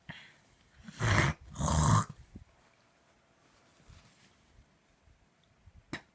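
Two harsh coughs close together, then a quiet room with small faint sounds: part of a coughing fit.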